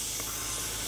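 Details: Blood pressure cuff placed on the calf of a patient with knee pain, tested for suspected mineral deficiency and inflated to about 160 mmHg with cramping and tightness: steady airy hiss as the cuff deflates.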